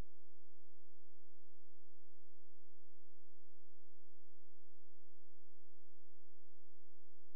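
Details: A steady, pure electronic tone held without a break; a phacoemulsification machine running during cataract surgery performed without viscoelastic.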